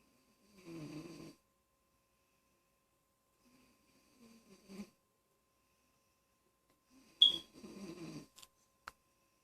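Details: Child snoring: quiet, separate snoring breaths with pauses between them in a very quiet room.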